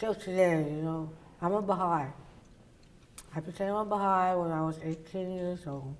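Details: Woman, oral cavity cancer survivor treated with partial glossectomy and reconstruction followed by radiation; tongue does not reach the roof of her mouth and people have difficulty understanding her; articulation disorder after partial glossectomy.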